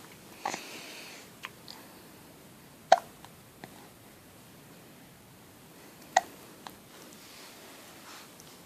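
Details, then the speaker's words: Hiccups in a baby boy: three short, sharp hiccup sounds a few seconds apart, with soft, fainter clicks between, in a quiet room. "you have the hiccups little boy can you say I have the hiccups"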